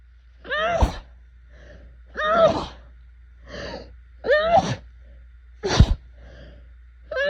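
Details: Allergy-season sneezing fit with no relief: four forceful, powerful, snotty sneezes in rapid succession, each preceded by a sharp intake of breath.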